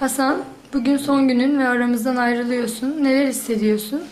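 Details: Adult woman speaking Turkish; Fluent speech.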